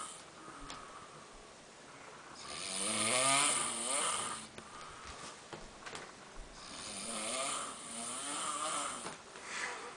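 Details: Snoring: two long, rough, rattling snores on inhalation with quiet pauses between, over faint room noise.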